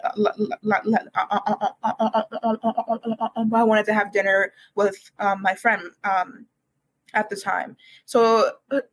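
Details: Real speech from a university student who has stuttered for as long as they can remember, began speech therapy in kindergarten, and calls it one of their hardest challenges until recently: stuttering.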